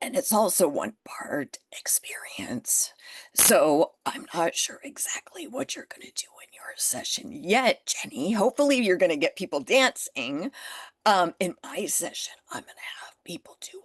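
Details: Adult woman with spasmodic dysphonia that developed from stress after starting her business; she is managing it naturally without Botox and says it is still audible in her voice.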